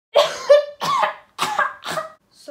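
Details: Acted, not real: four loud, harsh, voiced cough bursts in quick succession in a comedy skit parodying a consumptive opera soprano's "incurable cough"; simulated cough.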